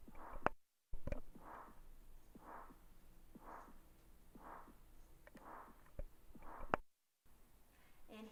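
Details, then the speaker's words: Normal heartbeat example from a talk on heart murmurs: steady, evenly spaced beats at about 60 per minute with no whooshing between beats, given for contrast with a murmur. "within the past few months I myself was diagnosed with a slight heart murmur mine like many is not threatening or detrimental to my health here's an example of a normal heartbeat"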